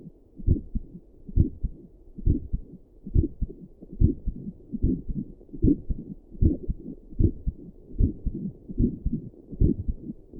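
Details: Own resting heartbeat recorded with Doppler plus stethoscope while sitting at a desk for five minutes, visible neck pulse: steady soft low thumps, about 75 a minute, faint whooshing pulse underneath. Resting heartbeat.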